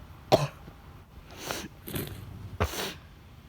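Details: Sick person with flu, fever, sore throat, sneezing, runny nose and recent vomiting, coughing: several short, harsh coughs, about four in three seconds, some like throat clearing.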